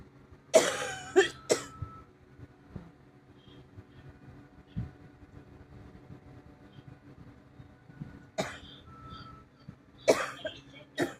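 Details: Adult unwell with a bad cough, chest and ribs hurting from coughing: several short, sharp coughs in small clusters over low room or traffic hum.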